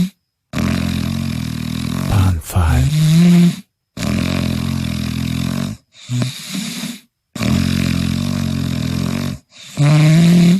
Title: Snoring compilation 113